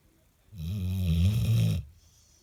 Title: Dale- The Snoring Labrador 😁